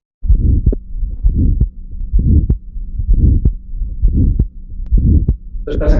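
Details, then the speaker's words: Pediatric cardiac auscultation example from a patient with aortic stenosis: regular heart sounds with an early ejection click, then a diamond-shaped ejection systolic murmur occupying nearly all of systole. "Clic deción inicialmente y luego se oye un soplo que es prácticamente ocupa toda la histeria. Un soplólico eectivo."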